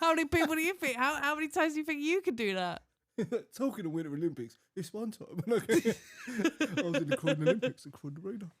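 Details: Adult female speakers in conversation; normal conversational speech.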